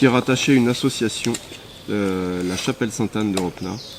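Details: Adult man speaking French; Normal voice.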